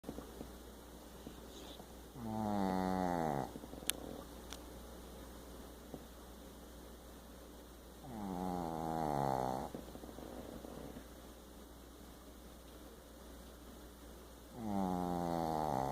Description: My dog snores bigger than he is!